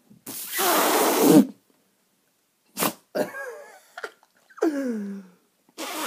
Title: How to make a dog sneeze